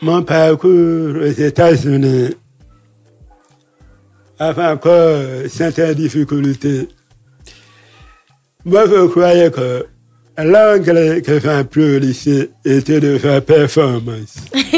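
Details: Deaf speech with altered voice in French from a man who lip-reads. His deafness began after a childhood illness, and he says his voice has not been normal since a childhood throat operation in paediatrics in Libreville.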